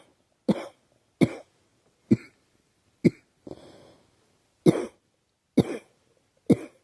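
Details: Eight separate dry coughs over about seven seconds, one softer and breathier than the rest, from a young woman who thinks she is getting a cold and says her throat is scratchy and sore; cough.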